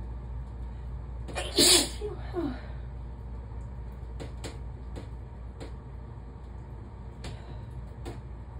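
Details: A single loud, sharp sneeze in the shower over steady rushing water, followed by a softer trailing breath and scattered clicks.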